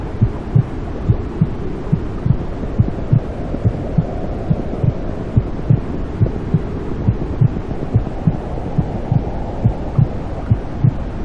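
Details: Steady low whooshing hum with soft regular maternal heartbeat thumps, about 70 a minute, as heard inside the womb; played to soothe newborns to sleep.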